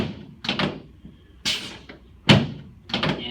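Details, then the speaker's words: Chiropractic drop-table adjustment of an adult man with positive Thompson technique leg-length reading on the left, adjusting left SI joint and sacrum: four sharp thuds about a second apart as the drop piece releases. "So, we're going to adjust his left SI joint first as well. Okay, now I'm going to adjust his sacrum right in the"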